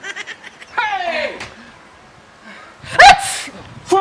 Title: SICKNESS SNEEZE